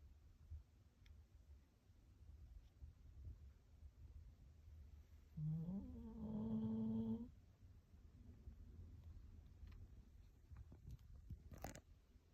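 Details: Dog named Rin snoring while asleep: one loud, rising, engine-like snore of about two seconds over low room rumble, likened to a sports car unable to shift gears.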